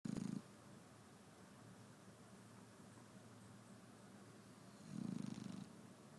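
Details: Shar-pei dog snoring in the morning while asleep: soft, low, buzzing snorts at the start and end, with quiet breathing between them.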